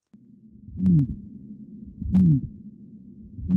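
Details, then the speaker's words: Real patient recording of aortic stenosis: slow heartbeat with a harsh crescendo-decrescendo systolic murmur between S1 and S2 at the right upper sternal border. "so this is a crescendo decrescendo systolic murmur it's between s1 and s2 okay it's crescendo de crescendo it's right up here at the right upper sternal border"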